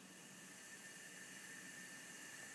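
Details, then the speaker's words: Large-volume jet nebulizer delivering cool aerosol through a trach collar, FiO2 set at 28%: steady, even, not very loud hiss, a normal operating sound. "if you can hear this it's not very loud many times in the hospital you'll find patients with this running at 10 liters per m"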